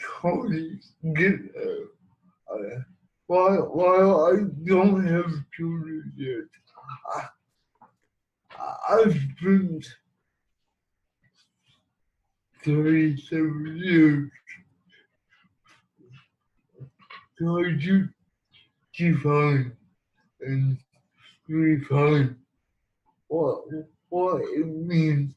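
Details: Man who has lived with cerebral palsy for 37 years and uses a wheelchair; speech impairment not named but inferred; dysarthria in cerebral palsy.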